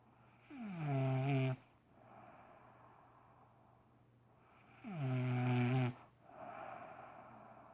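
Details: A woman's loud snoring at 6am on a Saturday morning: two loud, rumbling inhaled snores about four seconds apart, each with a rising tone, separated by quieter breathing out.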